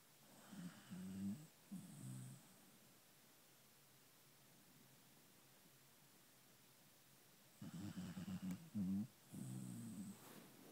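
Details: Two clusters of low, rattling snores separated by several seconds of quiet breathing during sleep: snoring.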